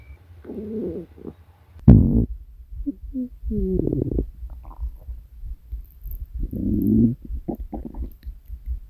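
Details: Hunger stomach growling (borborygmi) from a compilation of recordings gathered over three years: low gurgling and rumbling runs with a few squeaky tonal growls; a normal bowel sound.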